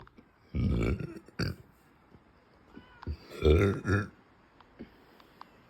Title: closed mouth burps ^_^